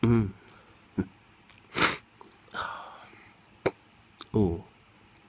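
Several abrupt, brief voiced catches and sharp throat clicks at irregular intervals, with a loud sniff; hiccups, involuntary spasms of the diaphragm.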